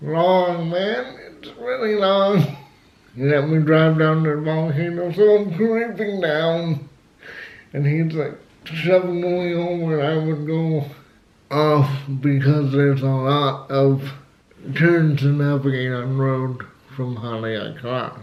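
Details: Adult man with cerebral palsy who had to learn to talk and says flu almost killed him; dysarthria due to cerebral palsy.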